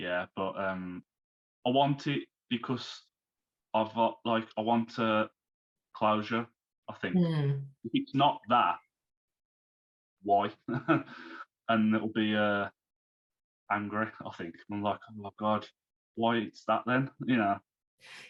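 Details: Man, now 34, who had a stroke at 33 about three months earlier, losing speech, reading and writing; recovering, with speech worse when tired; post-stroke aphasia.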